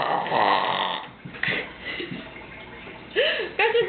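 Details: Two people in a late-night burping contest, one shaking her belly: a long, rumbling, gurgly belch, then shorter throaty burps, with voices around; deliberate burping.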